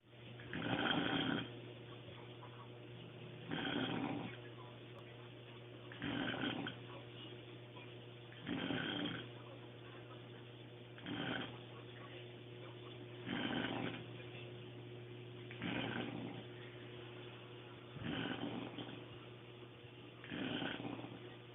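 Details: Adult woman (sister-in-law) snoring heavily in sleep: loud rattling snores on each in-breath, about 25 per minute, over steady room hum.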